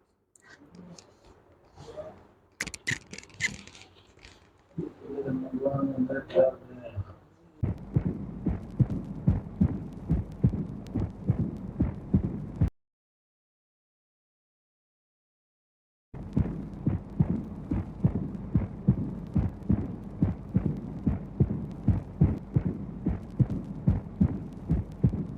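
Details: Mixed murmurs in infective endocarditis: mitral regurgitation, tricuspid regurgitation and aortic stenosis, heard as harsh murmurs filling the gaps between regular beats at about 71 a minute.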